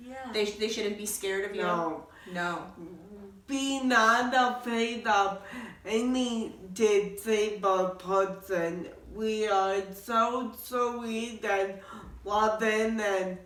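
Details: Adult woman born with cerebral palsy, which also affects her walking; garbled speech; dysarthria (cerebral palsy).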